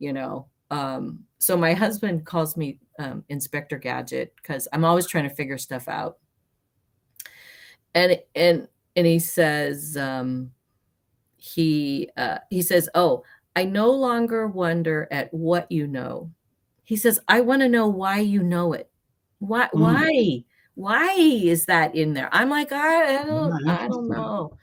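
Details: Aphasia with halting speech, worse when nervous, in an adult woman about 30 years after a traumatic brain injury from a May 1990 car accident; she also has mild low-tone hearing loss on one side.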